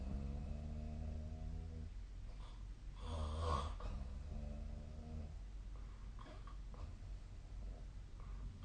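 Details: Sleep snoring recorded with the SnoreLab snoring app: deep, rumbling, fluttering snores alternating with noisy breaths out over a steady background hum; ordinary heavy snoring.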